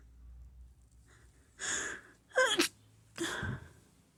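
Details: A bad sneezing fit with nose blowing: a sharp inward gasp followed by a forceful sneeze burst, with noisy nasal blowing sounds around it.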